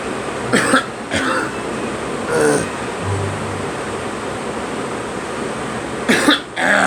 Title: Me coughing